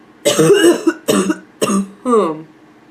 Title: Hoarse barking cough